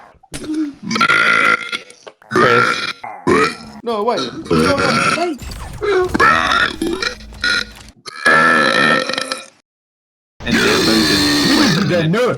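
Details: Burping compilation: a string of loud, long, voiced burps with brief gaps between them, edited together one after another.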